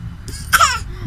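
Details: Baby's voluntary fake cough: one short, voiced, deliberate cough-like burst, playful rather than an illness cough.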